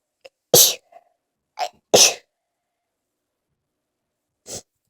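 A run of forceful sneezes, three loud bursts and a softer fourth, each with a sharp inhaled lead-in; a sneezing fit.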